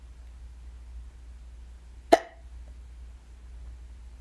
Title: I got the hiccups UwU